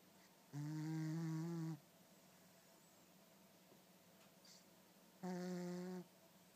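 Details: Cat snoring like a horse: two low, buzzing snores in a quiet room, each about a second long with a long pause between; snoring during sleep.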